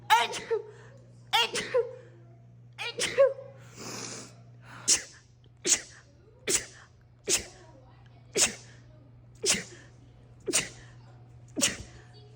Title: TikTok Rapid Sneezing Compilation 7